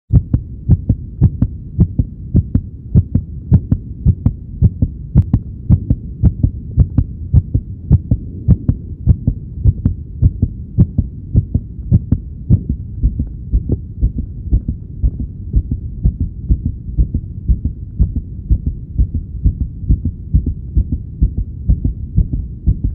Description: Here's a short video of a stethoscope hearing starlight glimmer's heartbeat at the mall.